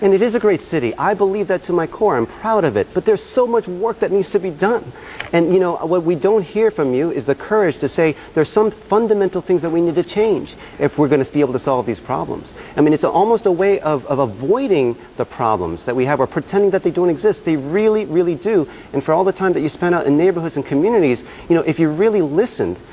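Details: Adult man speaking; no speech disorder.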